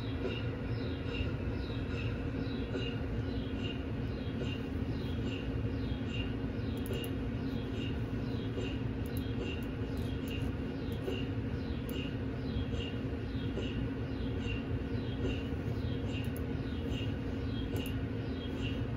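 Continuous mechanical hum with rapid regular ticking and knocking pulses from a running MRI scanner during a test scan.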